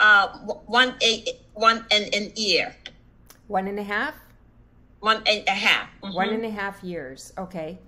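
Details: Aphasia in an adult female stroke survivor, present for about one and a half years.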